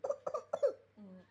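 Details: A child gives three short, voiced cough bursts, then a brief hum-like vocal sound: a plain cough.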